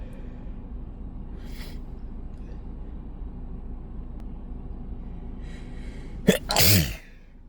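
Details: Single loud, wet sneeze after a sharp intake, in a car after a workday with the nose irritated by dust and perfume, over steady road rumble; sneezing.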